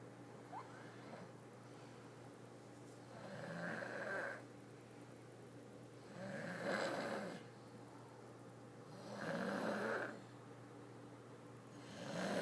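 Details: A person snoring: repeated rattling snores, about four in twelve seconds (roughly 20 breaths a minute), over a low room hum; ordinary snoring.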